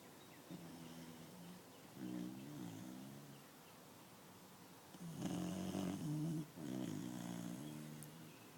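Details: Beagle-English Bulldog mix (Beabull) puppy, asleep, snoring heavily with soft, rattling, slightly uneven snores on each breath over faint room noise.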